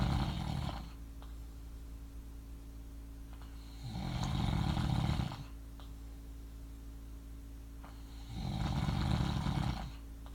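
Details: Deep, rumbling snores on inhalation roughly every four seconds, about 14 breaths a minute, with steady room hum between, from a man who denies snoring; snoring.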